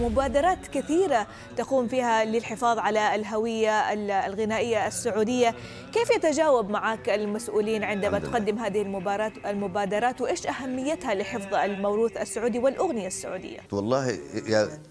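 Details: Adult woman speaking Arabic, interview question; normal speech.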